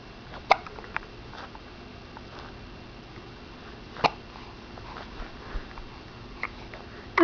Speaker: you got the hiccups hmm oh no not the hiccups